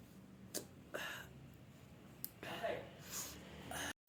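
Quick sharp inhalations build up, then breathy bursts of air in a quiet room: a sneeze.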